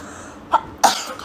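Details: A short catch of breath is followed by one sharp, explosive burst of air: a single sneeze, from a compilation of sneezing moments, followed by laughter.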